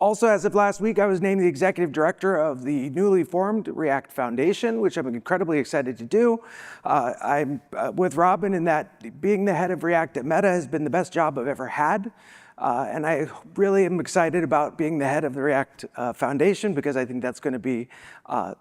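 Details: Adult woman who says she has a vocal disability, spasmodic dysphonia, and is not sick: spasmodic dysphonia.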